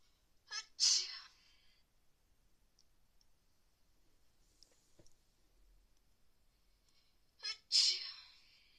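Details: Two separate sneezes from someone sick with a bad cold caught in the pool who can't stop sneezing; each is a quick indrawn breath and then a sharp burst of air, with quiet between; sneezing.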